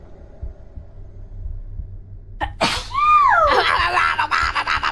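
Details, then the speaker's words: Triple sneeze from a female streamer during a livestream: a sharp inhaled gasp, then a loud sneeze burst with a high voiced trailing squeal, followed by further noisy bursts. "Oh my god, I've been sneezing. So bless you."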